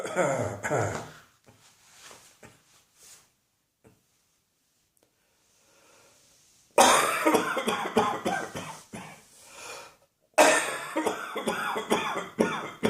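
Bursts of harsh coughing and throat clearing separated by a quiet pause, in a small room.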